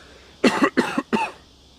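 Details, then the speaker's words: Adult man with an ongoing bad, rattly wet cough during a live stream: three quick, rough, loose coughs suggesting mucus in the airways. "There's that cough. Did you hear that cough? It is the worst cough"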